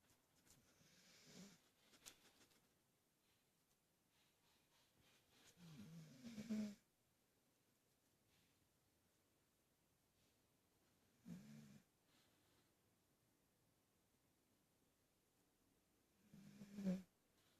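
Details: Snoring in a sleeping cat: soft, low snoring breaths with one brief hiccup-like catch among them.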